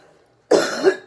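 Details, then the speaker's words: A single sharp dry cough without rattle from an adult woman on day 18 of COVID-19, after she takes a deep breath. "it's actually fairly dry it's not too bad I feel like I got pretty good wind"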